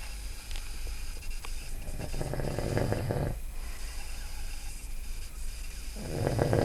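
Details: Loud, low rattling snores on each in-breath with quieter breathing between, over steady room noise, from an adult man (dad) recorded asleep at 2 a.m.; snoring.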